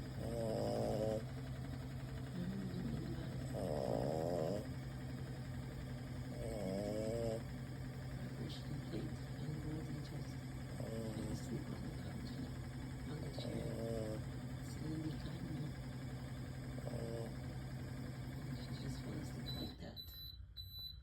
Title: Dog snores